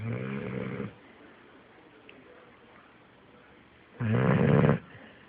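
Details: A sleeping merle pit bull dog snoring: two loud, low, rattling snores separated by quiet pauses, recorded on an Android phone.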